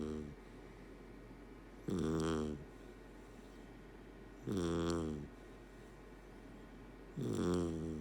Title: Shiner Snoring (Golden Retriever Puppy)